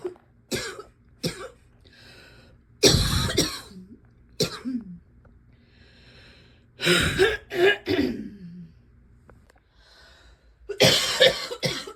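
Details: Repeated harsh cough bursts, some in clusters, with brief breathy intakes between; described as ongoing coughing and wheeziness, though no clear wheeze is heard; cough.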